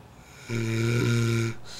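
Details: Snoring in a sleeping Greek boy who says he doesn't snore: a single low, buzzing snore lasting about a second.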